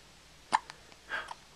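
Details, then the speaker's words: An infant with hiccups: a sharp, brief catch in the breath followed by a softer breathy sound. "Poor little guy, he's got the hiccups. Does this suck or what? You sound so cute though."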